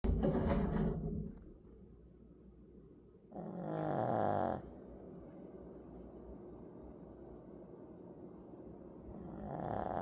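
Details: Dog snoring while asleep: a long, loud, rattling snore, then quiet breathing and the start of another.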